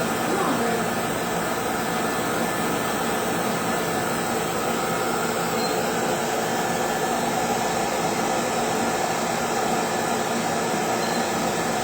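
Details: Steady loud rushing air from a cooling blower with a faint whine and no gaps during an aggressive CO2 laser (DekaPulse) facial resurfacing treatment on a live patient, starting with a test spot.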